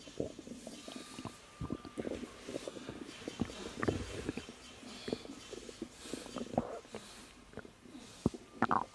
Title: 3 month pregnant woman experience stomach growling while relaxing